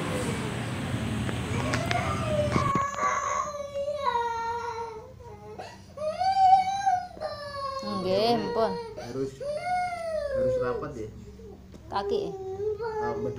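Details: Child with cerebral palsy cries continuously with high wavering wails and sobbing breaths during PAZ natural therapy (swaddled with arms crossed and legs straightened for upright posture); the parent says it hurts; child crying.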